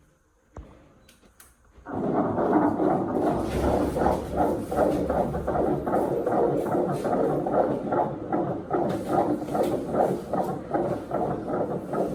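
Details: Fetal heartbeat at a pregnancy checkup: rapid, regular whooshing pulses at about 150 a minute, a normal fetal heartbeat heard by Doppler.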